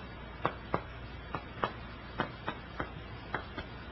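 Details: Chest percussion note, resonant to dull.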